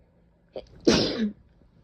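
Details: An adult gives a brief catching intake, then one forceful, hissing sneeze, with another starting.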